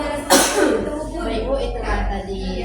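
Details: Nurse's simulated teaching of effective coughing: three breaths in, then one forceful cough on the third to bring up phlegm, over background music; demonstrated cough.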